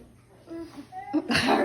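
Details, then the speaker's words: Sneeze done as a prank: a short voiced build-up breaks into a loud, hissing, explosive burst of air, a sneeze. "Mom, did you sneeze on me? Did you feel it?"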